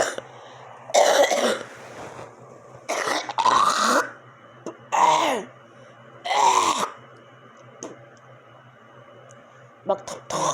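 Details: Recurring cough at about 1 a.m. from a person woken by persistent coughing, who attributes it to chemical gas smell near a humidifier: about five harsh coughs and throat clearings in ten seconds, quiet room hum.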